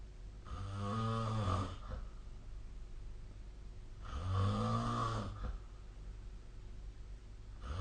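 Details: Snoring during sleep recorded with the SnoreLab snore app: two deep, rattling snores a few seconds apart over steady room hum.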